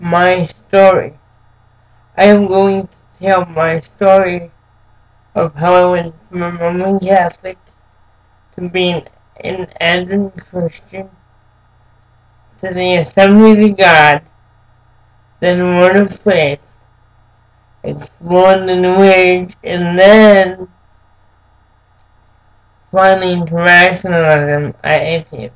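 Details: Dysarthria in an adult man with cerebral palsy since birth, who says it makes him move and speak differently.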